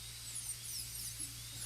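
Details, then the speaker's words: Steady high-pitched whine of a high-speed dental drill cutting occlusal grooves and embrasures for a full gold crown preparation on tooth #30, a practice tooth, with low hum underneath. "Start in the embrasures. Come around into the groove, from this groove, cut around into this embrasure, and then up here, ultimately coming down into that embrasure."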